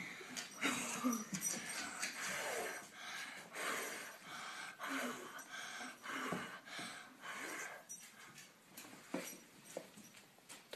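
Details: Child hyperventilating during a seizure test (blow test), blowing repetitively for over 2 minutes to provoke absence seizures: repeated forceful blowing breaths, about 48 a minute, with room noise.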